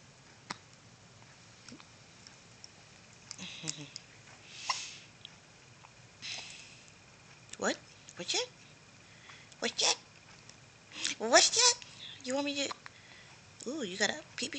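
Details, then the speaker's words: Infant boy resting in a Boppy pillow with hiccups: short, sharp hiccup bursts mixed with small squeaks and sniffs in a quiet room; hiccups. "has the hiccups what are you going to do you got your head up"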